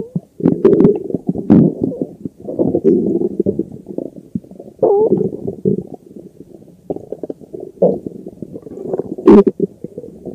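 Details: Continuous low gurgling and rumbling from a bloated abdomen, with bursts of squeaky gas movement: loud stomach growling (borborygmi).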